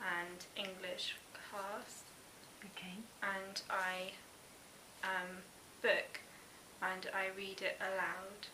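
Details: 19-year-old male patient with non-fluent Broca's aphasia after a stroke; Broca's aphasia.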